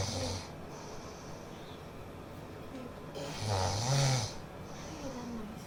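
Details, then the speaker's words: Simulated snoring in a comedy skit: two loud, rattling snores on slow inhalations over faint room noise. "Can't you hear that thing that is snoring in the house? Snoring."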